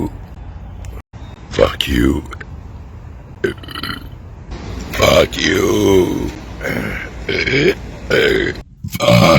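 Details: Several loud, drawn-out voluntary belches, some shaped into words, with short gaps between them: burping.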